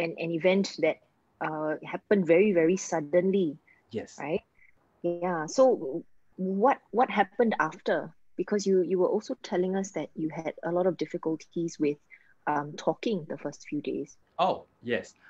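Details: Adults in conversation; normal speech.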